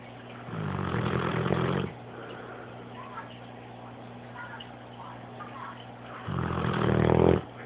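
Two loud, low, rattling snores about five seconds apart, with a steady room hum between them: a dog snoring.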